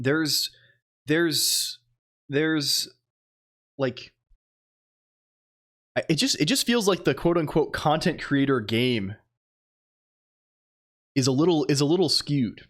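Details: Stuttering in a streamer who says he sometimes stutters unintentionally and sometimes on purpose; repeated words heard in this stretch.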